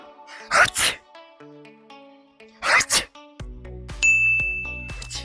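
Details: Two acted sneezes, each a sharp two-part burst, over light background music with chime tones; ordinary sneezes performed for comedy.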